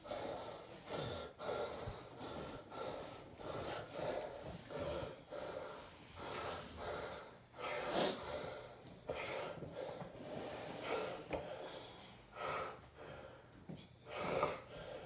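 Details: Repeated loud snorting, gasping breaths with irregular rhythm; real stertorous breathing in an adult man during a full tonic-clonic (grand mal) seizure preceded by a déjà vu aura, kept on his side, recovery drug missed.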